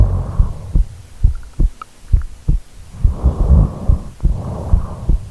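Loud, rough, low snorting snores with irregular throbbing bursts during sleep breathing; snoring.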